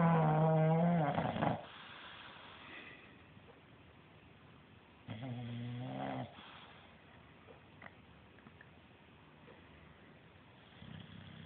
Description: English bulldog snoring